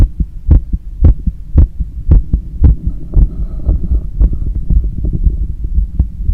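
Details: Visible neck veins and pulse during cool-down after a long run: strong, regular low thumps at about 113 a minute under a steady hum; normal heart sounds, quickened after exercise.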